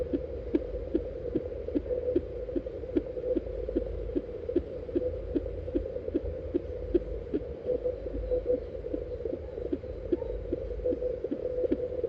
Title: Fetal heart sound using fetal doppler❤️🤰#fetalheartrate #heartrate #heartbeat #doppler #mothersday